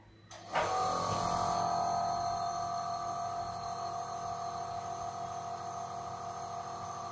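A motor starts and runs with a steady hum and a fast, even buzz of about four pulses a second: a piston compressor nebulizer running normally.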